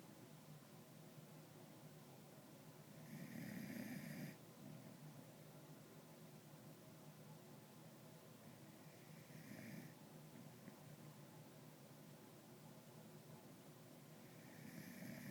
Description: Callie sleeping in my lap snoring